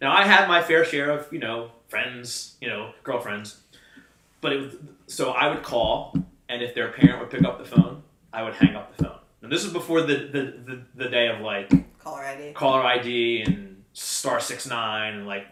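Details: Stuttering since childhood in an adult man; he had speech lessons from grade school until about high school and says he still sometimes struggles to get words out.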